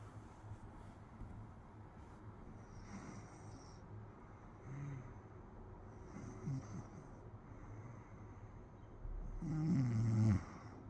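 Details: Soft low snores with a snorting catch, then one louder rattling snore near the end, over steady room hum: ordinary snoring.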